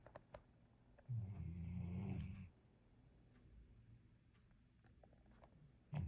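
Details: Dog snoring loudly: one loud, low, rattling snore lasting over a second, then quiet breathing in a small room; snoring.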